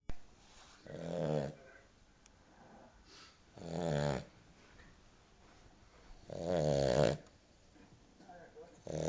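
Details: A sleeping family dog gives three loud, rattling snores on slow breaths, about 20 a minute, with quiet gaps between them, like an old geezer. Finding: snoring.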